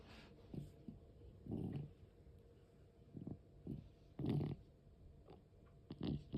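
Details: 13-year-4-month-old cat with asthma, noisy breathing that also occurs during sleep and sometimes stops: irregular, rough, low rattling breaths with grunting bursts, about 22 a minute; laboured asthmatic breathing.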